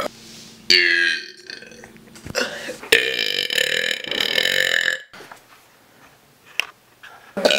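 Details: Cousin burping: several loud, long, rasping burps following one another with brief pauses between.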